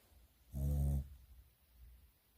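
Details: A single deep, rumbling half-second snore from a sleeping dog in a quiet room; dog snoring.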